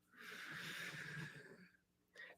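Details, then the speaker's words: American bulldog snoring while asleep: a long, rattling snore, followed by the start of another noisy breath. "If you have an American bulldog that snores, it's pretty hard to be discontent."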